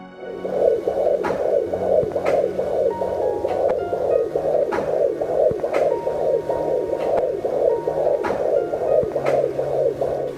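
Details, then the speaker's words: Umbilical cord blood flow on a Cofoe JDB-100B fetal Doppler: fast, regular whooshing pulses like blowing wind or running water, about 140 a minute. "器显示一般在30左右。"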